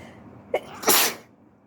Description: Just a few more sneezes whilst I'm stuck at home still with the flu, (and feeling very sooky and sorry for myself). 🤒😷🤧